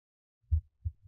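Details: Simulated normal heart sounds from the iPax virtual auscultation simulator with the chest piece on the left chest, where heart and lung sounds play synchronized: two low thumps.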